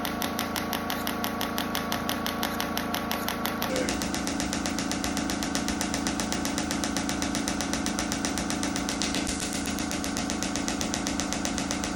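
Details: Shockwave therapy device firing rapid steady pulsed clattering, about two pulses a second, over background music, during treatment for lower back pain and hip mobility.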